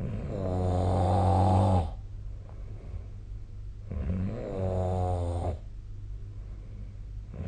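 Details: Heavy snoring during sleep, recorded with a snore app: two loud, low, rattling snores on inspiration, each about two seconds, with quiet breathing between.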